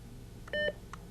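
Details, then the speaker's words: Philips HeartStart HS1 defibrillator battery-insertion self-test, interactive part, after the flashing orange shock button is pressed: a short electronic double beep on a steady tone, then a faint blip, confirming the shock button works. "the interactive part of the battery insertion test consists of verifying correct operation of the device's orange shock button if the orange button is flashing press it"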